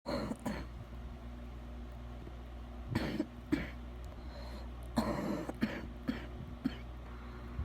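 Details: Adult with bad wet coughing: several rough, loose-sounding coughs in short bursts over a steady low engine-like hum.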